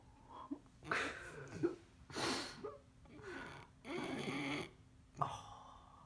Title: snoring